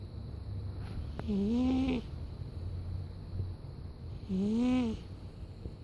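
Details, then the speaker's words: A sleeping cat snoring: two squeaky, whistling sounds about three seconds apart, with soft rumbly breathing between them. "Nixon, you're snoring."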